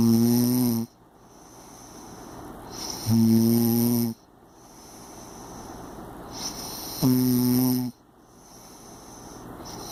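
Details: Impressive heavy snoring: loud, buzzing, droning snores on breathing in, three in ten seconds, with quieter breaths out between them.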